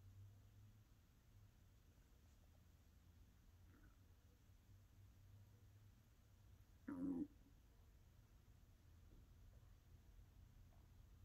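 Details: ASMR recording of an adult's hungry stomach: a quiet low hum broken by one short bubbling gurgle. Bowel sounds (stomach growling).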